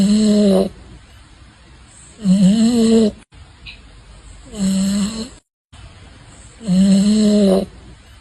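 Loud, regular, buzzing snores about every two and a half seconds, with quiet pauses between them; snoring.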